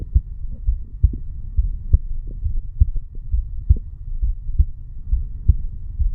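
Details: Steady, low normal heart sounds with two sounds per beat at about 67 a minute, from a 35-year-old male sitting on stairs, recorded over the bicuspid (mitral) valve area.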